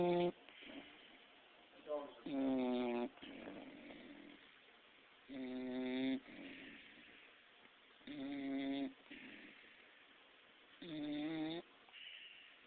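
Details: 6-month-old pit bull with special needs (described as handicapped), sleeping: loud, buzzy, vibrating snores on the in-breath about every three seconds, quieter out-breaths between; snoring.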